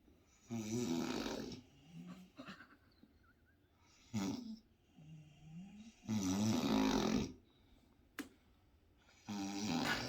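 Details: Brother snoring loudly while asleep in a dark bedroom: loud rattling snores on in-breaths, three main ones in ten seconds with softer breaths between; ordinary heavy snoring.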